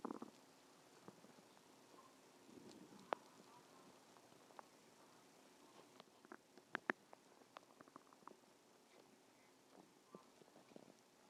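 Quiet gurgles, pops and brief rumbling squeaks at irregular intervals over a soft hiss; ordinary bowel sounds of stomach growling.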